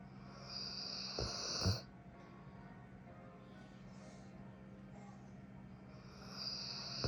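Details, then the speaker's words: Sleeping dog snoring: two hissing, snuffling breath sounds about five seconds apart over a steady low background hum. "That's a cute snoring. You have a you have a cute snoring."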